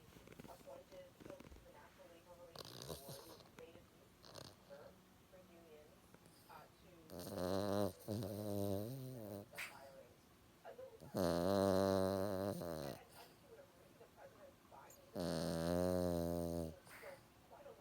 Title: Winnie pooper snoring